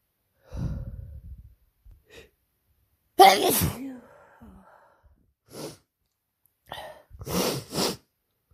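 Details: Several sharp sneezes, some preceded by a breathy intake, from an adult who woke with a cold and sore throat after working a week at summer camp; repeated sneezing.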